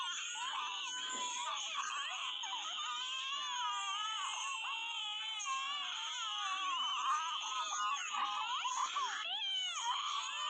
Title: the newborn Baby hiccup crying